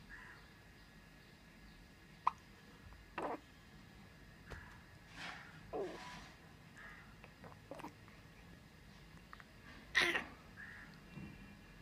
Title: Puku's Hiccup